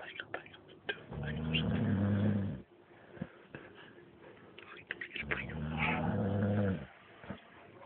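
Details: Snoring: two long, rumbling snoring breaths about four seconds apart, with quieter clicks and breathing between them.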